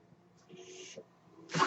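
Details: Steady low mechanical hum with a soft half-second hiss of airflow, then a louder rush: the podcaster's own home mechanical ventilator delivering a breath during a real recording.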